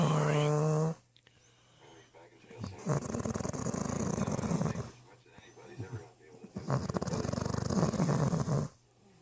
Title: I DO NOT SNORE